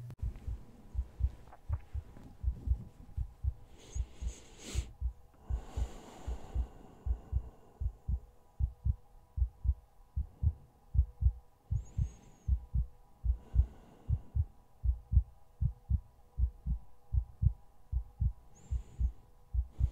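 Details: ASMR sleep-aid recording of sleeping on a boyfriend's chest: a steady, regular heartbeat of about 77 beats a minute with soft lub-dub thumps and some rustling.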